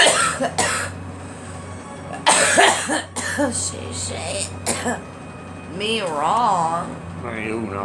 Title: Girl coughing